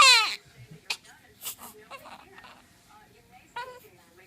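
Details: Infant with hiccups who has just burped for the first time and dislikes being tapped: short, high-pitched cries at the start and near the end, with quiet fussing between; ordinary infant crying.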